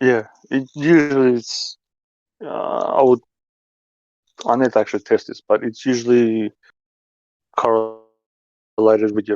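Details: Adult man who stutters, saying his stuttering is starting to kick in and that reading aloud would worsen it; stuttering.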